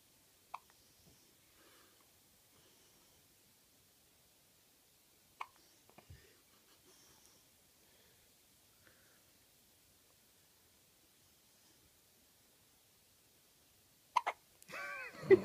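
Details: Baby who also had frequent hiccups in the womb: a few sharp, abrupt little gulping hiccups spaced seconds apart in a quiet room.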